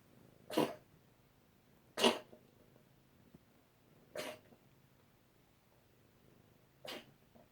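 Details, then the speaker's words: A cat gives four short, harsh cough bursts spaced a second or more apart, easing off, near the end of a coughing episode lasting about 2–3 minutes. "something in our lungs. This has been going on for like 2 or 3 minutes."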